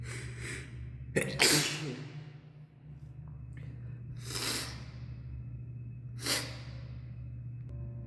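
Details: Three or four sharp, explosive sneezes with a quick in-breath before one, echoing in a hard-walled stairwell over a steady hum, recorded during a sneezing fit while climbing stairs; sneezing.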